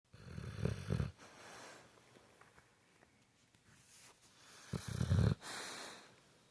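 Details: A sleeping dog snoring: two low, rumbling bursts, each breath in followed by a softer breath out.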